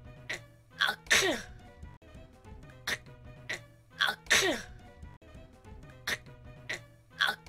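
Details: Sneezing: short, sharp sneeze bursts repeated in a looped edit with music.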